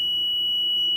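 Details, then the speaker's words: Steady, piercing high-pitched alarm from an Invacare oxygen concentrator; a troubleshooting demonstration in which the flow is deliberately turned well above 5 and left too high for too long. "And again, you should hear an alarm start to go off soon, as the machine indicates that you've turned the machine up higher than it's supposed to go."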